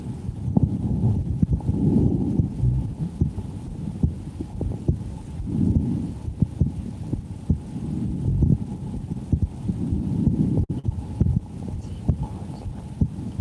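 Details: Adult woman's heartbeat through a stethoscope, live recording: soft muffled normal resting heartbeats with low rumbling body noise.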